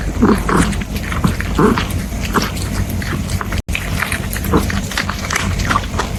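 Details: A cat, Miko, gives a few short, forceful hacking coughs and gagging sounds after eating chili powder, coughing and choking against steady background noise.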